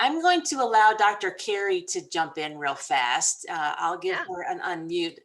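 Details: Adult woman speaking; Normal speech.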